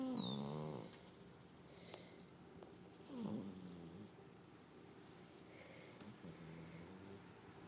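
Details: A cat snores with rough, low, human-like rattles on its breaths, after a brief meow at the start; snoring.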